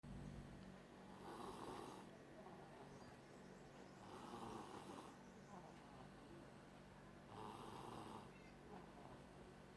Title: Snoring Princess..😅😅😅😆